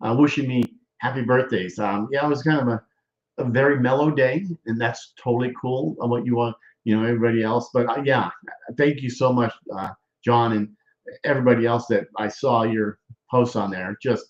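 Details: Adult man speaking; aphasia after stroke.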